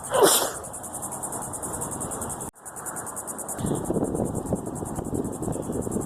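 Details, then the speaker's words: Repeated sneezing fit, attributed to the start of allergy season with a tickling nose; one loud sneeze outdoors, then a short cut and steady insect chirping. "Cannot stop sneezing."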